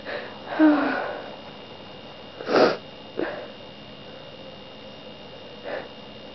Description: I'm continuing to be sneezey.